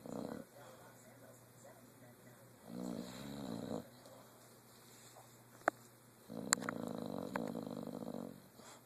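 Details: Loud, rattling, throaty snoring from a sleeping dog, long drawn breaths with quiet pauses between; snoring.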